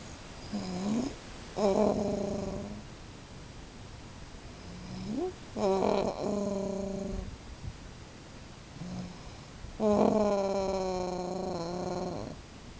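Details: Adult woman (wife) snoring asleep in the dark: slow, irregular snoring with a voiced, purring or moaning quality in some breaths, about 15 breaths a minute.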